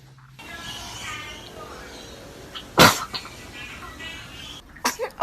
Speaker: Oh, cute baby sneeze. Oh, bless you.